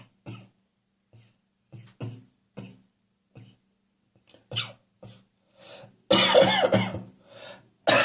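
Repeated short, wet adult coughs with throat clearing, ending in a harsher bout, consistent with mucus-laden catarrhal cough.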